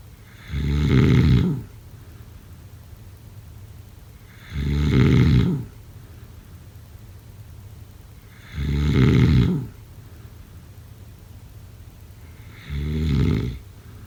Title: #snoring #sleepnoises #snoringasmr #snoringsleepingsoundeffect